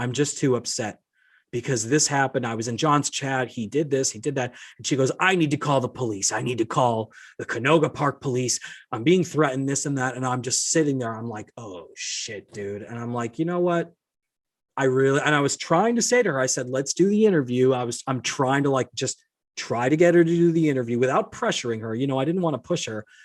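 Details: Adult male speaker; no disorder.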